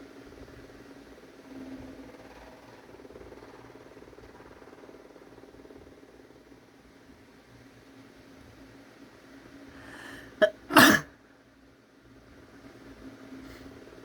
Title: Inducing sneezes